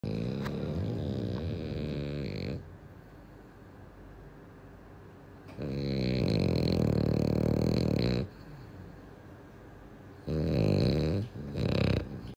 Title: Am I snoring that much?🫣🤭 #dog #pets #dogs #frenchbulldog #sleep #shorts